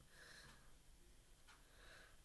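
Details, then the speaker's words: Female dog resting near her owner: soft, snuffly nasal breathing, two noisy breaths over a low room hum, quiet snoring. "You listen to my dog snoring over there. Can you hear her? She loves being in my presence and this is what she does."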